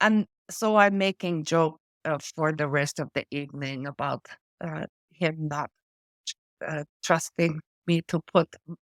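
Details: Adult woman with post-stroke aphasia from a stroke affecting her brain's language area, with word-finding difficulty: words drop out mid-sentence and she substitutes old-fashioned or inappropriate words. She also reports foreign accent syndrome: aphasia.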